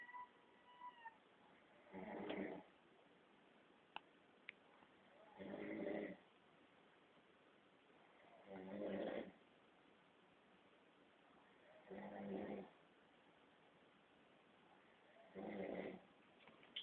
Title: Daddy snoring